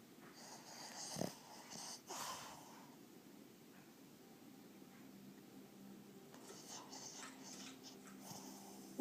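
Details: Pug asleep with eyes open and face twitching: a few rough, snorting breath noises over quiet room noise with a faint steady hum; snoring in a flat-faced dog.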